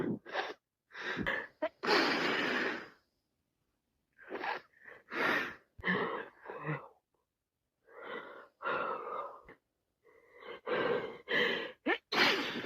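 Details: Sneezing and sniffling with a head cold: repeated noisy, wet nasal bursts and sniffs in quick runs.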